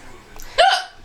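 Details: A child who has the hiccups again gives a single abrupt, voiced hiccup with a sharp onset and a brief fading tail.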